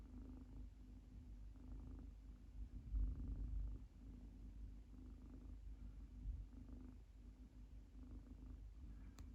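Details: Munchkin kitten, female, sleeping with her legs stretched out, snoring: soft, low rhythmic rumbling with each breath, close to a purr; gentle, harmless snoring.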